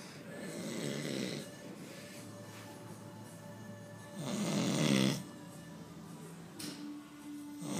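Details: Snoring.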